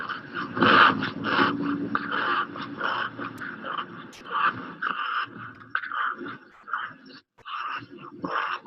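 Rapid, noisy breaths with a musical, whistling tone running through them, plus some background noise. This is wheezing from narrowed lower airways, part of a picture of increased work of breathing and respiratory distress in a child.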